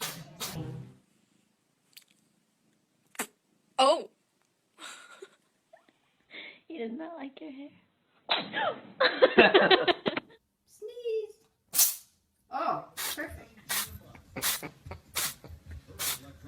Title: Cat Sneezing - Nothing but adorable sneezing cats 😹